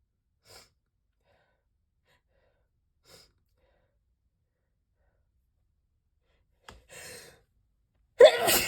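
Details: Faint sniffs and a quick inhale, then one loud explosive sneeze induced by a sneeze-powder spray; sneezing.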